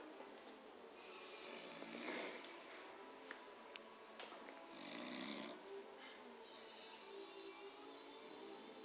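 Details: Adult man passed out asleep on a couch, music in background: soft, rough breathing noises during sleep with a quiet hum; light snoring.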